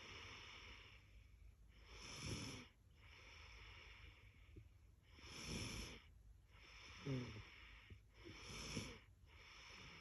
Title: Little Girl Snoring